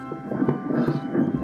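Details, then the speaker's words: Normal fetal heartbeat on pregnancy ultrasound Doppler, baby boy weighing about a pound and two ounces, all organs seen normal: rapid rhythmic whooshing at 149 beats a minute. "HOOR JE DAT? WAT IS DAT? HET IS JE BROERTJE!"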